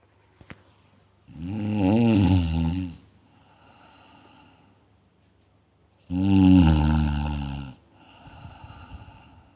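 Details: Two loud, rattling snores on the in-breath, each about a second and a half, with quieter hissing out-breaths between, roughly 13 breaths a minute: snoring from air vibrating relaxed throat tissues.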